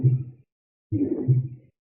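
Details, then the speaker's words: Mitral regurgitation murmur in systole between S1 and S2, from loose chordae tendineae or papillary muscles letting blood push back into the left atrium; low heart sounds with continuous blowing systolic sound, possible slight S3. "so it forces the blood backwards, or forces the leaflets into the left atrium, and you have blood being pushed back into the left atrium. That's what the regurg sound is. So you hear it during systole."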